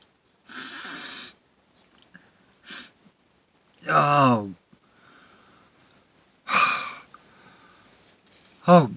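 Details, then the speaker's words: Sharp breath intakes and voiced "hey" exclamations building to a sudden loud sneeze, deliberately induced by sniffing pepper poured into the hand, recorded in a car, with a towel used as a handkerchief. "I'm gonna pour a little bit into my hand hey oh my god what am i doing I'm sneezing enough anyways without putting pepper up my nose but I will"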